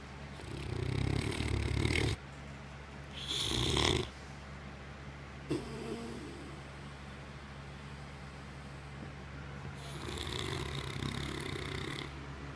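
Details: Sleeping English Mastiff dog snoring heavily: loud, rough snoring breaths over a steady low background hum.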